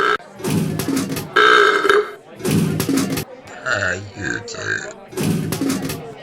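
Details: Person burping to pay a beer vending machine that accepts burps; several loud, drawn-out belches with a short electronic tone between them; repeated burping.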